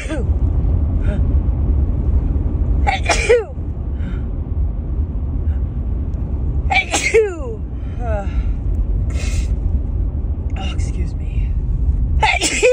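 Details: Female with a cold or allergies, recorded 9–14 March: three sharp sneezes over a steady low background rumble; sneezing.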